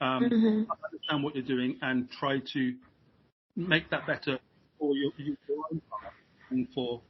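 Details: Adult British man who has stammered since age five; a repeating stammer in childhood later took hold; speech much better than 15 years ago; uses voluntary stammering and modification techniques; stuttering (stammering).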